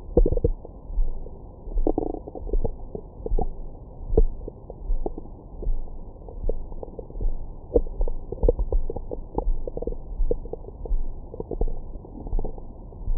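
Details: Recorded with a Stemoscope stethoscope microphone on the belly after a large meal: frequent gurgles, squeaks and soft rumbles, active bowel sounds of normal digestion.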